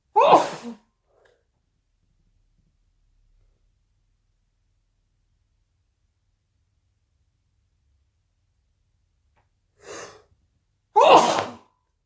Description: Big wet sneezes into a hanky blesss me